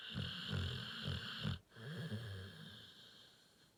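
Rapid rumbling, snorting breaths with a steady hum in the background; a sleeping dog snoring.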